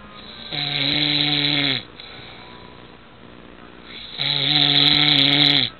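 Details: Dad fell asleep sitting up: two loud, rough, rattling snores on breathing in, separated by a quieter breath out; ordinary snoring during sleep.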